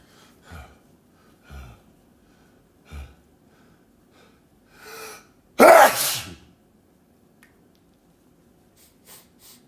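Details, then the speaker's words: Several quick sniffing inhalations building up, then one forceful explosive human sneeze, followed by faint sniffs; the sneezer says it still tickles and feels stuck; sneeze. "Oh, that's me. Oh. Oh. Still tickles. Oh. One more."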